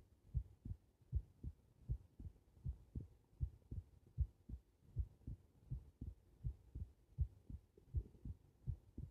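Clear paired low thumps at about 78 beats a minute in a regular rhythm; ordinary heart sounds.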